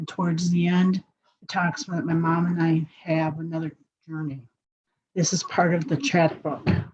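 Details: Adult speaker; no disorder.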